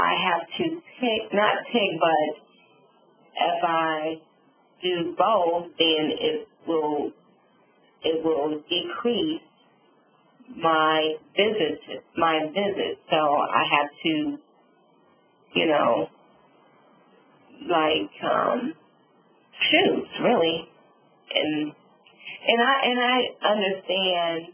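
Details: Adult female stroke survivor with aphasia and apraxia of speech following a subarachnoid hemorrhage and stroke; she reports sometimes being unable to think of the word.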